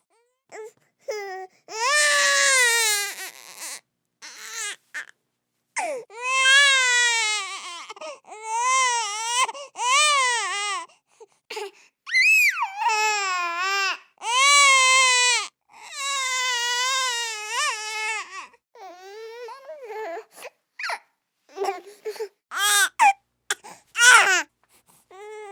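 Repeated wailing infant cries in bursts of one to three seconds, separated by short gasping breaths.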